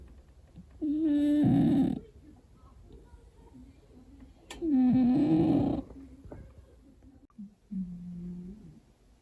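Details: Big fat 9 kg rescue cat snoring while asleep with a grinding "gigigi" sound: buzzing, slightly whistling snores, roughly 16 breaths a minute, with soft breaths between.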